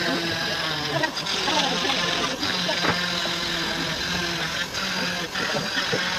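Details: Steady buzzing whine of an oscillating cast saw cutting through a plaster cast at removal 28 days after an ankle fracture from an accident; cast saw.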